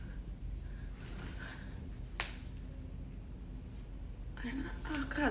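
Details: Toe joint cracking in the morning just after getting out of bed, in a joint-cracking compilation: a single sharp crack over room noise as the toe is bent, with voices starting at the end; harmless joint popping.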